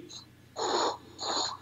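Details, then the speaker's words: Spoken vocal imitation, in a talk on tinnitus, of the normal sound of blood flow heard with a stethoscope over the carotid artery, contrasted with the turbulent murmur of a narrowed vessel. "es lo que se oye normalmente cuando llegamos el corazón escuchamos algo"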